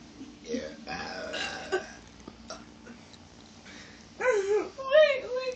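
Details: Low, rumbling burps, one long and drawn out, with brief voiced belches near the end, during a brother and sister burping contest in a quiet room.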